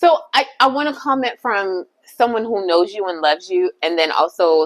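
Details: Adult woman speaking; no speech disorder.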